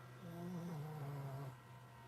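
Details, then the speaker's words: A pet pug, one of two in the home, snores audibly in the background; snoring. "yes you can hear the dog snoring I have two pugs here"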